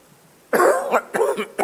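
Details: About three harsh cough bursts from a president, an adult man, interrupting his 2026 budget speech; he then apologised, saying he had been too spirited that morning.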